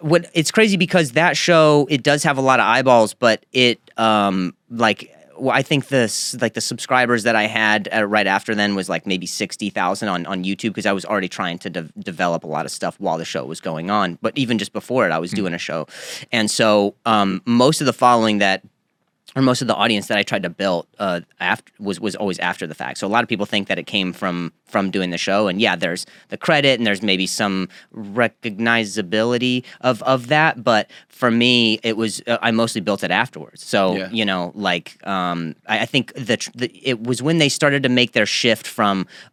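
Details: Adult man who developed a stutter at age 20 after a softball to the throat and a fall causing a major concussion and a minor vocal contusion, later found to be neurogenic; neurogenic stuttering.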